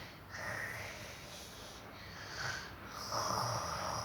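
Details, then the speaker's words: A child imitates her father's quiet snoring when he first falls asleep: soft, breathy, rasping breaths, imitated snoring. "Kalau bapak pertama tidur kayak begini, pelan."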